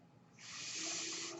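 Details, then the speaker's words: Real podcast recording in which the speaker explains that the noise heard is his own mechanical ventilator; ventilator airflow heard in the background of speech; mechanical ventilator noise. "my name is brynan bard that noise you hear he's my ventilator and thank you for tuning in to page terminus"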